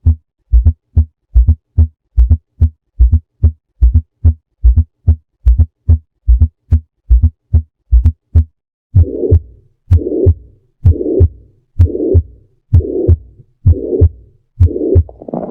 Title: Myocardial Infarction Sound || A Fourth Heart Sound